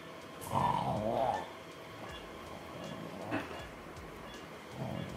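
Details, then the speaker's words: Drug-induced sleep endoscopy with a 2.9 mm video rhinolaryngoscope in a patient with severe obstructive sleep apnea (AHI 34): rough fluttering snore from concentric and lateral oropharyngeal narrowing at the soft palate, uvula and posterior arches, with saturation falling. "слышали храп и видим концентрическое сужение на уровне ротоглотки уне мягкого нёба"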